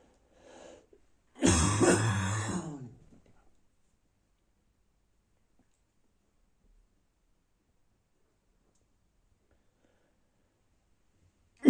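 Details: Adult with a bad cold, says everything hurts inside, morning: one harsh, dry barking cough burst after a soft breath, then silence in a quiet room.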